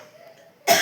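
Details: Adult with a cold and hoarse, lost voice, heavy head, after throat clearing: a faint murmur of voice, then a single sharp, harsh cough burst near the end.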